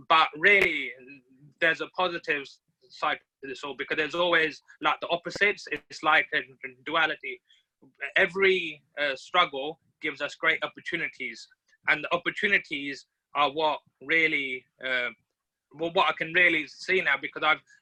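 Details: Adult man from the UK who stammers and uses fluency-shaping tools; he says his speech used to be really bad; stuttering.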